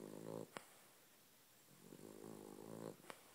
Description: My dog Rudy snoring!